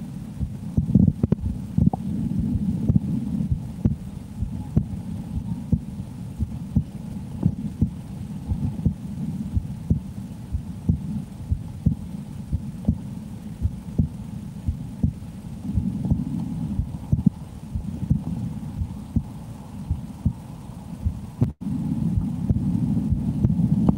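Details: Steady, regular low heart thumps at a normal resting rate from an adult woman through a stethoscope in an ASMR recording.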